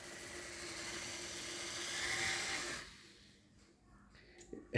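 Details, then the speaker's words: Dental implant demonstration, 2.0 mm osteotomy drill at 800 rpm with 10 mm stopper, sequential drills up to 4.4 mm diameter: steady high-pitched whirring for about three seconds, stopping with small clicks; implant site drilling. "तो हम next drill है वो 2.o की drill है इस system के अंदर और वो ड्रिल कर रहा है देखें"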